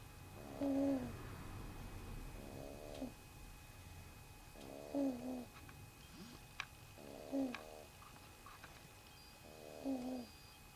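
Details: Baby: short, rhythmic nasal snoring sounds in bursts about every two to three seconds, with quiet between; infant snoring.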